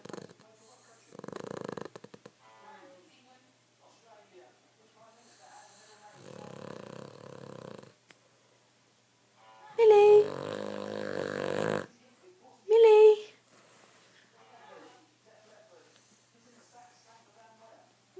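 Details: Cavalier dog Milly snoring loudly while asleep: loud, irregular rasping snores with quieter breathing noise between them; snoring.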